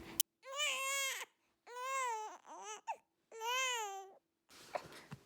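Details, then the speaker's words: A 9-week-old baby boy with reflux cries during burping after a bottle feed: three drawn-out wailing cries with short gasping breaths between them, in a quiet room. "So we had a crying session, burping, again."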